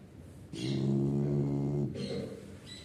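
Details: Sleeping Chow Chow dog snoring: one long, loud, droning snore on an in-breath, then a softer rattly one.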